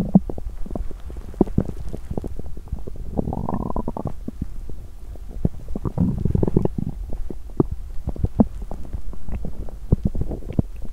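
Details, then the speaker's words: Loud, active bowel sounds (borborygmi) on an empty stomach after exercising: frequent short gurgles and clicks with two longer, low rumbling growls; ordinary hunger growling. "Tôi sẽ thử khi tôi không đói 🍑! Âm thanh réo rắt của dạ dày tôi tiếp tục một lúc ♪"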